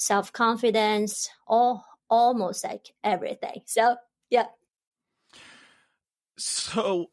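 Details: Adult woman who stutters, stuttering since about age 7 or 8, stutters in her Chinese dialect, Mandarin and English; stuttering.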